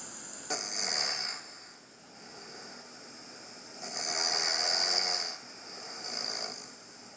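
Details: Home recording of a construction worker's snoring, loud harsh bursts separated by quieter breathing with breathing pauses; sleep study showed moderate obstructive sleep apnoea, apnoea index 24 per hour, snoring index 317.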